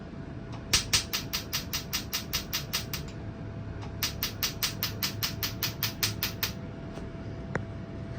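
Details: Tattoo removal laser firing at fifth sitting after four prior sessions, dark tattoo about 80% removed, only mild pain reported; two bursts of rapid sharp snapping clicks, about 150 a minute, over a faint steady hum.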